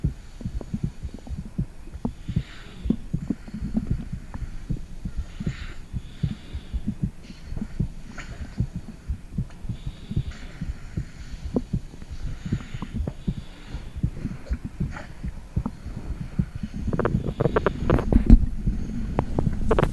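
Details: Adult woman's own heartbeat recorded with a phone microphone on her stomach: muffled low thumps repeating through a steady body hum, with scattered rumbling abdominal gurgles; heartbeat.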